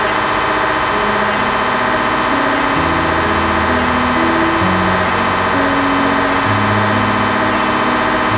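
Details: MRI scan; loud continuous droning and buzzing with shifting tones, the gradient noise of an MRI scanner during imaging.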